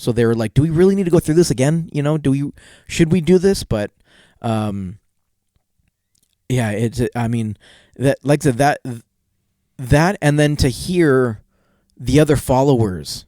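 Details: Adult male with a self-reported stutter that worsens in awkward situations and sometimes occurs even when confident; real, unscripted podcast conversation; finding: stuttering.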